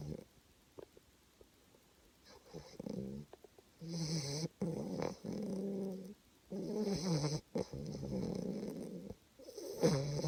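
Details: Repeated low, rattling, buzzing breaths with short gaps between them from a sleeping dog; snoring.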